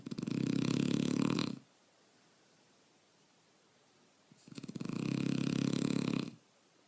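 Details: Shar pei dog snoring heavily in sleep: two loud, rattling snores on inhalation, each about a second and a half, separated by quiet exhalation.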